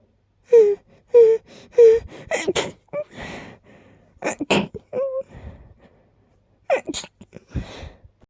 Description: I tried to hold back a little, which led to buildups that led to sneezes and the circle of life 🦁